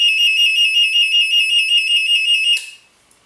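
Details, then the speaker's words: Simulated test of a Nanny infant breathing-monitor mat for babies 2–15 kg, with a hand removed to mimic no breathing: after some seconds without detected breathing, a loud, high-pitched rapidly pulsing alarm sounds, then stops. "il l'a toujours pas capté de respiration il s'est mis à sonner super forme on alarme pour vous prévenir"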